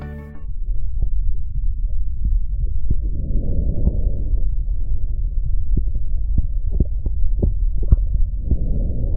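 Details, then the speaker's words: Normal vesicular breath sound heard over the back of the chest: soft, low rustling breath sound, filtered through lung tissue, with faint thumps. "el mundo pulmonar es el ruido repentino normal que filtrado a través del tejido pulmonar se oculta sobre la pared de atrás"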